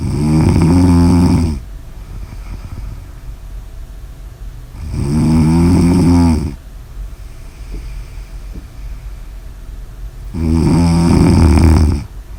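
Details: Habitual snoring: loud, low rattling snores on three in-breaths, about 11 a minute, with quiet breathing between them.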